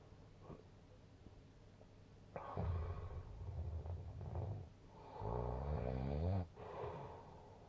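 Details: Deep, rumbling snores with a fluttering, vibrating quality on the in-breaths, separated by quieter breathing; loud snoring, given a snoring score of 166.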